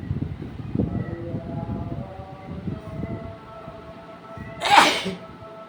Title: Sneezing And Nose Blowing Challenge Video 🤧 Humble Request 😉